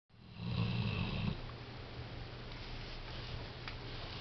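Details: Sleeping dog snoring: a loud low rattling snore at the start, then quieter steady breathing noise in a small room.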